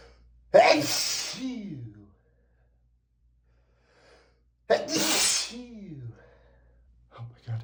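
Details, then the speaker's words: Repeated sneezing during reading, attributed to dust allergy from books: two loud voiced sneezes about four seconds apart, each trailing into a falling groan. "I'm so sorry. I can't stop sneezing."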